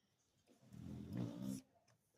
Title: Cute labrador snoring ghar ka chowkidar skhid so Raha hai #labrador #snoring #sleepingdog #labdog